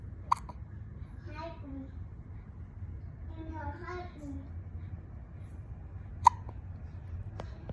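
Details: Child's hiccups: two sharp, brief hiccups about six seconds apart, with soft child vocal sounds between in a quiet room.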